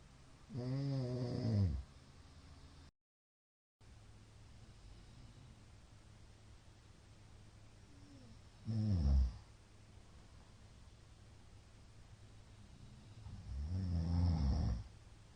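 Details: Middle-aged man's (ojisan) snoring during sleep: three loud, rough snores separated by silent gaps of several seconds; frequent shallow hypopneas suggest sleep apnea syndrome.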